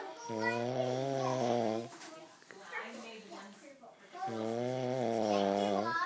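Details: A man asleep gives two loud, droning inhaled snores with a quieter breath between them, at a slow sleeping breathing rhythm.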